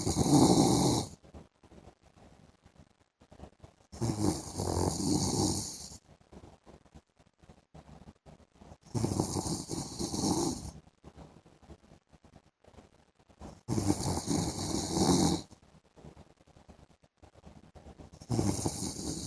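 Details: Adult husband snoring during an afternoon sleep: loud rattling snores on each breath in, about every five seconds, with quiet pauses between; snoring in sleep.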